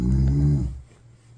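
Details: A single loud, deep rattling snore fading into quiet from an adult man, recorded without CPAP; a sleep study found severe sleep apnea at 70 apneas an hour, and CPAP was later prescribed.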